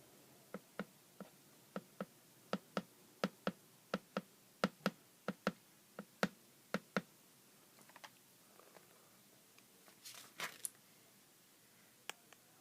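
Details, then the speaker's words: Regular paired lub-dub beats, about 85 a minute, sharp and clicky, heard by stethoscope over the cardiac areas up to the mitral area at the fifth intercostal space, left midclavicular line, during a nursing assessment; then stethoscope rustling: normal S1 S2. "I hear the lub-dub, lub-dub, lub-dub, lub-dub. So, okay, we're capturing the sounds, okay."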